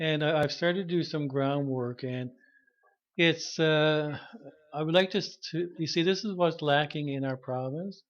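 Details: Adult man who stutters, self-diagnosed, with severe stuttering at about age 21 when he began speech therapy; stuttering.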